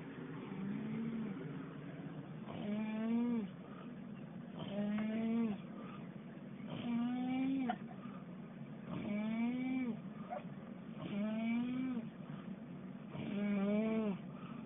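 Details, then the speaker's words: Extreme snoring in a woman sleeping on a cruise ship, possibly after sleeping pills: loud, rhythmic, rasping tonal snores on each breath, about 28 a minute, over a steady drone; heavy snoring. "but she ain't getting no [Music] sleep sounds like a goddamn elephant"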